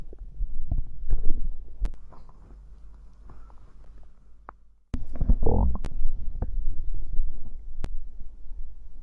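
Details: Stomach after drinking cider (fizzy drink), ASMR recording: low irregular gurgling and rumbling with a few sharp clicks; ordinary stomach growling (borborygmi).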